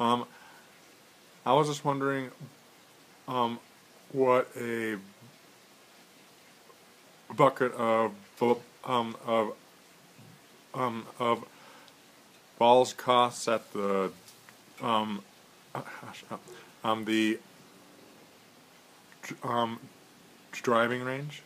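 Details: Adult male who stutters, on a phone call, reporting difficulty at the start and throughout, and using stretches and easy onsets as stuttering techniques; stuttering.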